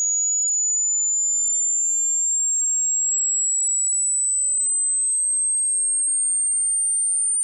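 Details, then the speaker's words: A thin, very high-pitched pure tone glides slowly upward with no other sound, part of a 60-second frequency sweep from the lowest to the highest audible pitch, used to match tinnitus pitch. "el sonido más bajo que el oído humano puede escuchar hasta su tono más alto y, por interés, déjame saber en los comentarios el tono más cercano que coincide con tu [Música] tinitus [Música]"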